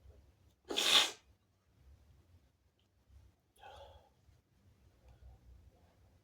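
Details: Person (he/they) lying in bed gives one sharp, forceful sneeze followed by a softer breath or sniff in a quiet room; sneeze.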